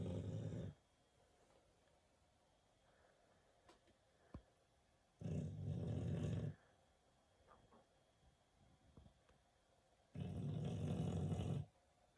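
Low, rumbling snores come every five seconds or so, about 12 a minute, with quiet pauses between them: regular snoring.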